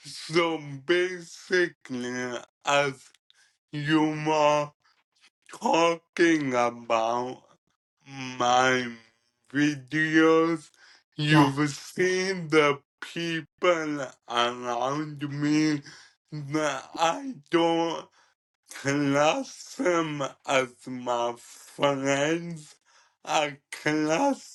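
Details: 27-year-old man with cerebral ataxia present from birth, diagnosed at 15, which he describes as degenerative and affecting his coordination, talking and movement; ataxic dysarthria.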